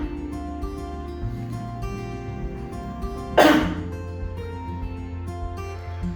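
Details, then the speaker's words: A single strong, deliberate cough over steady background music, done sitting upright after three cycles of deep nasal inhalation and slow mouth exhalation: effective cough technique. "Kemudian, lakukan batuk yang kuat sebanyak 2 kali."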